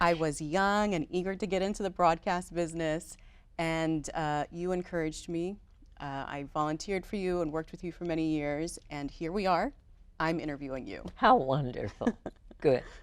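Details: Adult female speaker; normal voice.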